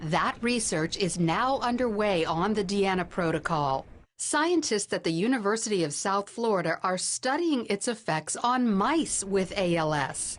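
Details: Adult female news reporter; Normal speech.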